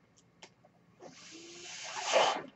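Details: A mechanical ventilator's breath cycle, heard in the background of the user's recording; the user identifies the noise as his own ventilator.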